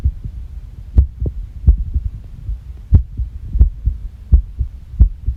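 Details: Irregular heartbeat: low heart thumps at about 88 a minute with uneven spacing between beats, recorded after a shock, after which the heart reportedly stopped for 9 seconds.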